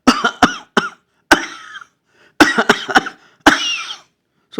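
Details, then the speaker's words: Imitated asthma cough from the medium airways: repeated short dry coughs in clusters, about eight. "this is a type cough or you get in a higher up asthma."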